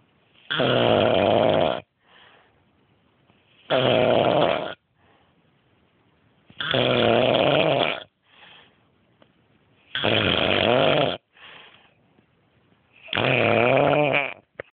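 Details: Person snoring loudly in sleep: rattling snores on each breath, roughly 19 a minute, with soft breaths out between them.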